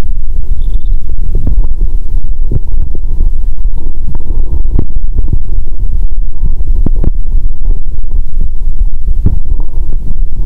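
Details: Hungry adult drinking cola with Mentos, stethoscope on abdomen: loud continuous low rumbling with frequent gurgling pops; active bowel sounds.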